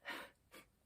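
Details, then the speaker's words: Pet dog asleep in her crate snoring: two quiet, airy, snort-like breath noises in quick succession; light snoring. "Autumn's snoring down there if you can hear her."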